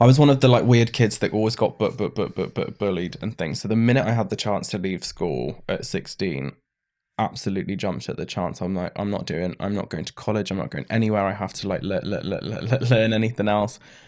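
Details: Man aged 31 with Tourette syndrome diagnosed in his mid-20s after illness, brain swelling and brain damage, with mild tics as a child; stammer with part-word repetitions alongside vocal tics.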